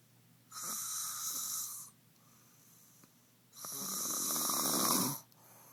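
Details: Snoring from a sleeping "girl" during a stay in New York City: two long, whistling, hissy snoring breaths with quiet gaps between, in a quiet room.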